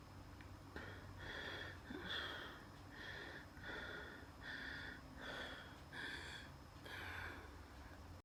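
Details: Wheezing during a night asthma attack, with dizziness and chest pain: rapid, labored breathing with a high-pitched whistle on each breath phase, in a quiet room.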